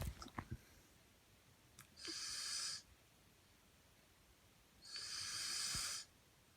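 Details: Snoring from a 15-year-old boy, 5 ft 10 in tall and 156 lb.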